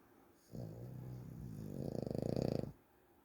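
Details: Snoring during sleep: a single long, low, rattling inward snore of about two seconds, with a fluttering vibration at its end.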